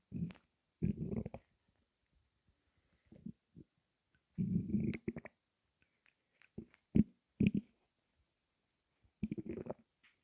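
Intermittent gurgles and bubbling rumbles with quiet pauses, ordinary stomach gurgling after a fizzy drink.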